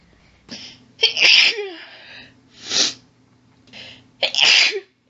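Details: Female sneezer: several forceful sneezes in quick succession, each preceded by a short hitching breath, in an intense rapid sneezing fit that stifling made worse; heavy build-up and hitching.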